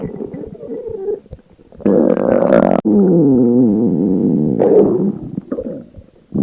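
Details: Girl's hunger stomach growling: long, loud, gurgling, drawn-out rumbles with pitch wobble, separated by quieter gaps; normal bowel sound.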